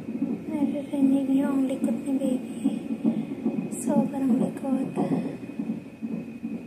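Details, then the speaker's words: Fetal monitor on a pregnant mother on day 7 in hospital, taking medicine: fast pulsing fetal heartbeat about 150 a minute with shifting swishes from a very active baby moving. "Kung naririnig niyo yan That's my baby breathing guys sobrang galaw ni baby chumchum siya kung narinig niyo yang sounds guys Ayan yung breathing ni baby she's jumping In My Belly"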